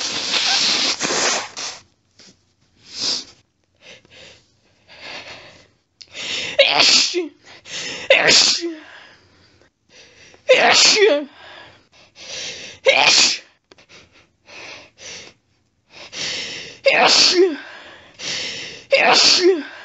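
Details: Woman in bed with a sneezing fit set off by a pet-sat cat lying under her chin, after being sneezy all day; about a dozen forceful, wet sneezes in rapid sets over twenty seconds with sharp breaths between, recorded on a cell phone.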